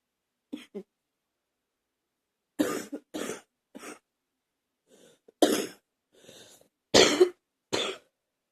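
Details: Repeated coughing, about eight short coughs in separate bursts, some in pairs, with quiet gaps between.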